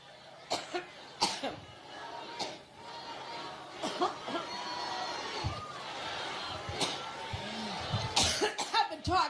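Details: Adult woman speaking at a rally coughs in repeated sharp bursts over several seconds, through a microphone with hall and crowd noise; coughing fit.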